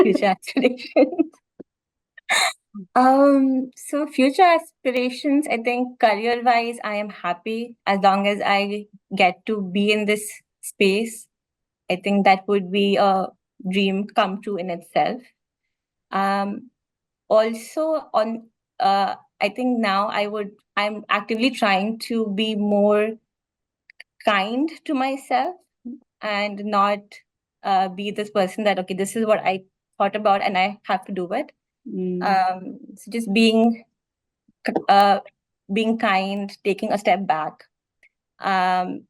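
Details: Stammering in an adult woman, real speech.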